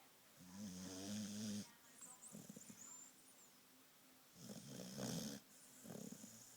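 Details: Two loud, rough, buzzing snores with quieter breathing between them, from a female red heeler (Australian cattle dog) in deep sleep; ordinary snoring.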